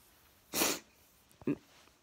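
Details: Adult sneezing at 3:10 a.m. after a long weekend in hot September weather: one sharp, explosive sneeze, then a smaller sniff-like burst a moment later, in a quiet room.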